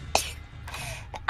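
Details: A sneeze from a female VTuber during a livestream.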